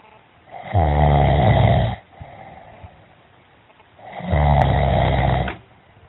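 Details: Two long, loud, low rattling snores on inhalation, separated by quieter breathing, from an adult male friend asleep on a diving trip; ordinary snoring.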